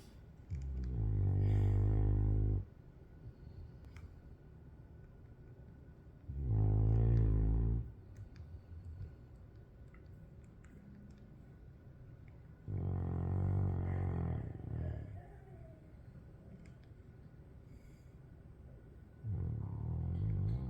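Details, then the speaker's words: Golden retriever dog snoring while asleep after a day of barking at the meadow: loud, rattly snores about ten a minute with quiet pauses between them. "Honor is snoring very well here, folks."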